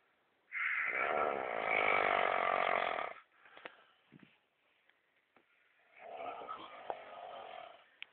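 Loud, harsh rattling snores on inhalation, separated by quiet pauses; typical heavy snoring.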